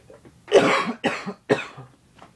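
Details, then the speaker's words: Adult sick with a bad cough, now the main problem after sinus trouble, worse than the day before: three harsh, forceful coughs in quick succession. "what's um really arise for my sickness is a very bad cough and even robot doesen will not help"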